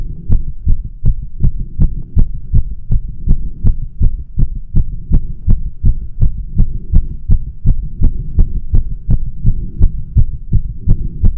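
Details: Fast, regular heartbeat at about 165–170 beats a minute during one of frequent tachycardia attacks at rest, with no exercise, caffeine or nicotine beforehand; the person felt dizzy, shaky, heart pounding and short of breath.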